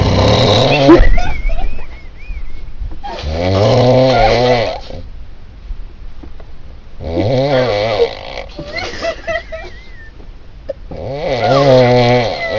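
Loud, rattling snores on each in-breath, about every four seconds, with quieter whistling sounds between them: heavy snoring.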